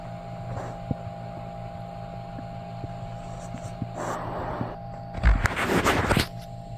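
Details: Sloshy stomach noises after drinking milk and eating cheesy foods: two bursts of irregular gurgling and sloshing over a steady low hum and faint clicks; borborygmi.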